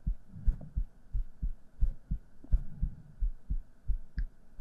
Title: ：小狐狸巫女幫你放鬆心情 今天的你也是最棒的.Triggers & Heart Sounds【】